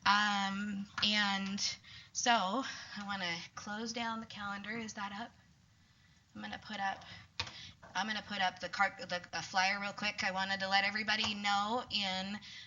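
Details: Adult woman speaking; Normal speech.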